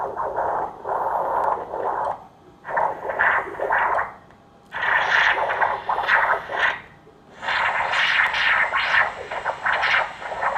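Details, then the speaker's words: Whooshing Doppler flow in the brachiocephalic and central veins swelling and fading as the subject takes a deep breath, during pre-AV-fistula vascular assessment for dialysis access; phasic respiratory variation showing a patent superior vena cava. "so there's a respiratory variation you can see so that means the superior vena cava is painted"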